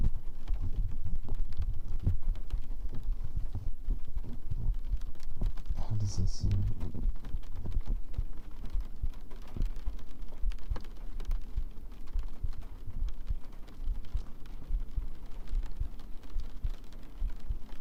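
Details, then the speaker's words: Steady, soft, low, evenly repeating thumps of an adult's own heartbeat recorded as ASMR, described as quiet and fainter than usual, with a faint background hum. "Oh yeah, it might do actually because the heart's kind of quiet."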